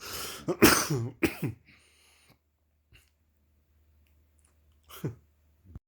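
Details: 6-month-old chocolate Labrador puppy: a few harsh, hacking bursts like coughing or throat clearing, then near silence with one more short burst; coughing.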